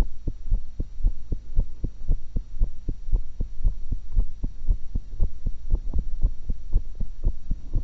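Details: Steady lub-dub at about 115 beats a minute with no added sounds over a low hum, self-recorded through a single stethoscope while eating an apple and a cucumber; normal heart sounds, fast but regular.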